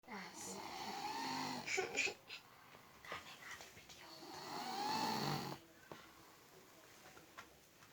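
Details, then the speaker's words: Sleeping child, tired out from playing, snoring very loudly: loud, rough, whistly breathing noises with room noise in the background. "Saking capek nih anak main, suaranya keras."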